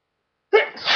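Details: Induced sneeze: a short, sudden sneeze burst trailing into a breathy exhale, followed by a runny nose needing blowing.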